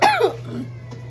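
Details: Cough from an adult who has been sick, coughing so much they could barely breathe: a single harsh cough burst fading into a raspy breath, with a steady low hum behind.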